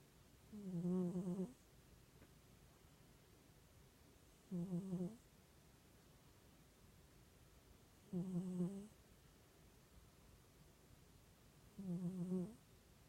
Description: Sleeping cat gently snoring away in the sun